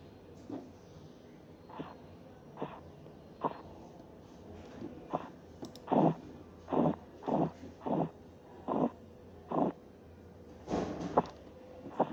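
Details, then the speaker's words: Korotkoff sounds in a blood pressure auscultation teaching exercise, simulated audio: soft thumps appearing, growing louder, then fading over several seconds during cuff deflation; reading 146/94 mmHg. "en este caso el valor de la presión arterial está en 146 con 94 como escucharon"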